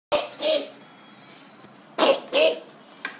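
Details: Child coughing: two pairs of short, loud coughs, then the start of another, in a quiet room.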